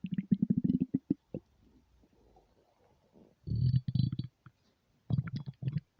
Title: empty stomach rumbles without mic